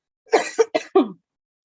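Four quick harsh cough bursts in a row from an adult, a short coughing fit.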